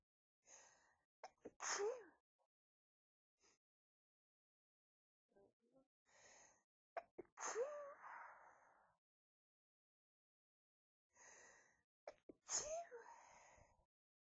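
Three sneezes, each a sharp intake then an explosive burst, spaced several seconds apart in a quiet room.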